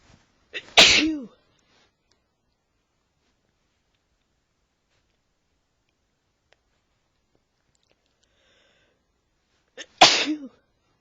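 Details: Boyfriend sneezing from allergies: two loud, sharp sneezes about nine seconds apart, each with a brief intake of breath before the burst, in a quiet room.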